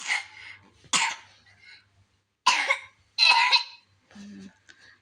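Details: Sick child coughing: about four short, sharp coughs in quick succession, then a brief voiced sound.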